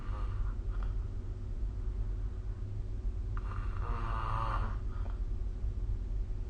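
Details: Snoring recorded with SnoreLab app: low, rough snore on a breath over steady low room rumble.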